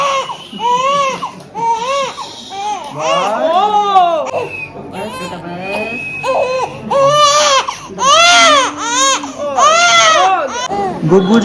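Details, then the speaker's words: Loud, high-pitched rhythmic crying bursts from a baby girl about six weeks old just after her vaccination injections in the leg and right shoulder, adult voices in a small room; ordinary pain cry. "After टीका is done ओए ओए camera देख के रोने लग गई हो गया"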